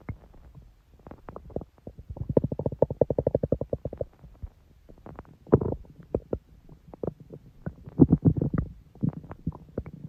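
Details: Long stomach growling (borborygmi): bursts of bubbling, gurgling belly rumbles, some drawn out into low purring runs.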